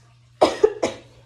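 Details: Adult woman being treated for hyperthyroidism (overactive thyroid) gives two short, dry coughs close together, from the throat irritation she describes during treatment; dry cough.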